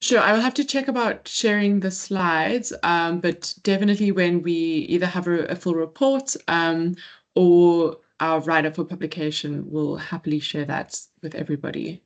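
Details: Adult speaker; Normal speech.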